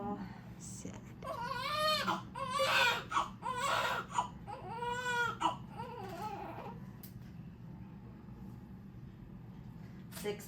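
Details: Several high, wavering cries from a newborn boy born at 37 weeks, lying under the warmer light after weighing, then quiet with faint room noise; ordinary healthy newborn cry.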